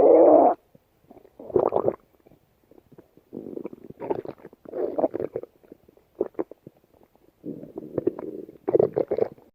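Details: Stomach growling (borborygmi): repeated short gurgling bursts and rumbles separated by quiet gaps.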